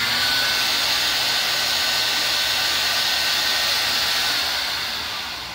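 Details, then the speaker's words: Oscillating cast saw run freely in the air to cool a blade that became warm while cutting a molded fiberglass cast: steady high-pitched whirring motor, fading slightly at the end; cast saw running. "it's warm I wouldn't say it's hot but I'd say it's warm so again give it time to cool down let turn it on and let the air"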